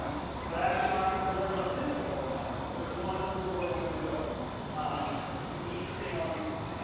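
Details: Giant panda Mei Xiang snoring while asleep, recorded on a panda cam: repeated wavering, nasal, bleat-like tones every few seconds over a steady hiss of room noise.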